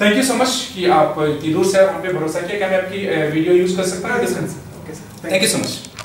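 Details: Adult male speaker; ordinary speech.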